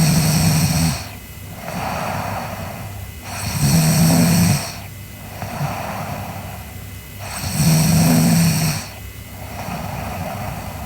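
Loud, rhythmic rattling snores on each breath in, about 15 breaths a minute, with softer breathing out between them.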